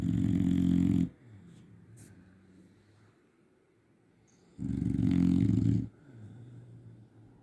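Deep, rumbling snores on each breath in, with quieter breathing between them; loud snoring in a sleeping dog.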